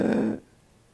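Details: Adult imitating; laryngospasm inspiratory noise (imitated).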